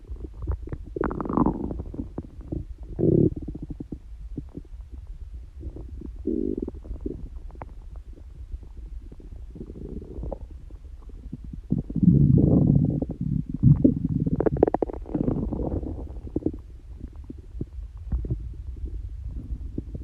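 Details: Low gurgling and rumbling bursts coming and going over twenty seconds from a person whose stomach growls a lot though not hungry and without stomachache; normal stomach growling, borborygmi.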